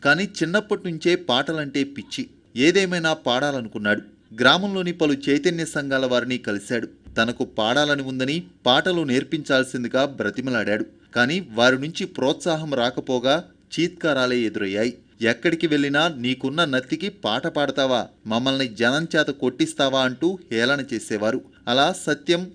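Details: Adult male narrator; plain speech.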